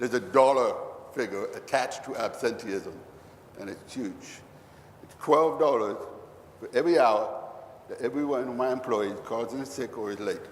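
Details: Deaf man who cannot hear a passing bus, only feel it; the finding is deaf speech.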